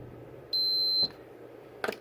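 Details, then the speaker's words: Diabetic woman checking her blood glucose by finger stick, with the reading still high: one short high-pitched beep, then a soft click, as the glucose meter signals the blood drop was applied; medical device beep. "squeeze another fresh drop of blood put it up to the meter you hillert you will hear beep"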